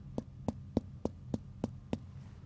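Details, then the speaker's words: Seven evenly spaced percussion taps with a hollow note over the abdomen, with all nine regions expected resonant rather than dull: normal resonant abdominal percussion note. "I would expect all regions to be resonant like"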